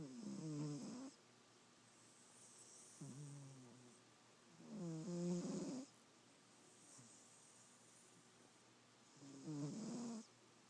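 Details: Regular rattling snores on each breath, about 13 a minute, in a quiet room; snoring during sleep.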